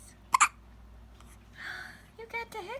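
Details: One-week-old baby girl with hiccups: a quick pair of small, sharp hiccup catches followed by soft newborn noises and a faint fussy vocal sound. Infant hiccups.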